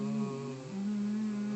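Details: Adult male in voice therapy, phonating low through a straw with airflow confirmed: straw phonation with adequate airflow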